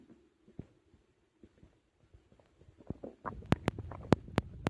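Soft gurgles give way to loud, irregular bubbling pops and rumbles; stomach growling from digestion after a large meal.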